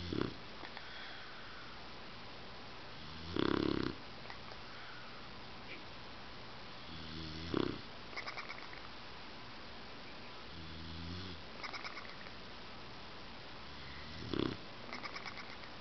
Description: Snoring Bulldog :-)